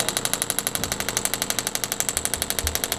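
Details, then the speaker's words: Radial shockwave therapy device firing on a patient after hip replacement, counting down pulses (about 2,000 per area): steady rapid clicking, about 12 a second. "and it counts down the pulses that it's doing so it only does a certain amount it's each treatment area the standard is about 2,000 PES for a little area"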